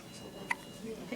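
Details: Newborn girl on day 4 with her first hiccups: a single short, sharp hiccup with soft room noise around it.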